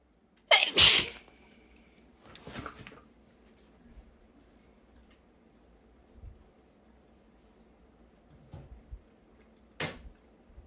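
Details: Three stuffy sneezes from a person who may have been sick at the time: a forceful sneeze, a softer second one a moment later, then a sharp third after a pause, in a quiet room.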